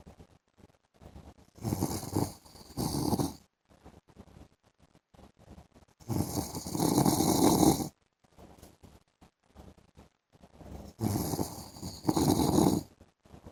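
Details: Adult man (husband) asleep in the afternoon: three loud, harsh, rattling snores about five seconds apart, roughly 12 breaths a minute, quiet pauses between; heavy snoring.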